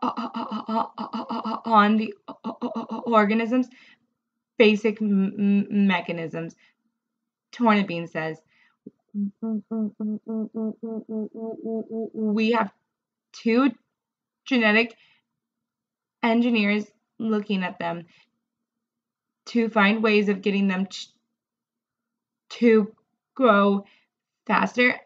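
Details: Adult woman who stutters, reading a passage aloud; she reports reading is really difficult and her stuttering is more severe when reading; stuttering.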